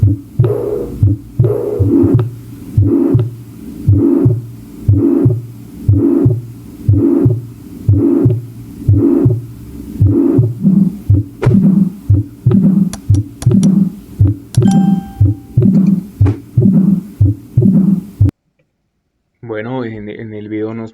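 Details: Teaching recording from a cardiovascular examination class: regular heart sounds near 60 a minute with a whooshing murmur between beats, an example of a systolic murmur.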